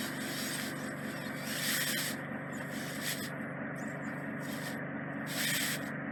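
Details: Microsuction of deep impacted ear wax in the isthmus of a woman's ear canal near the eardrum, done cautiously: continuous rough hissing suction with crackling and sputtering bursts.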